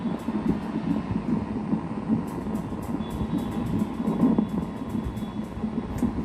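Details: Fetal heartbeat during pregnancy, recorded with a Doppler fetal heart monitor while comparing analog and digital devices: rapid, rhythmic whooshing pulses through steady Doppler hiss.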